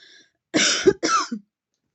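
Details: Two harsh, forceful coughs in quick succession with a short tail-off from a woman taking deep vape puffs and having repeated coughing fits: an irritant cough.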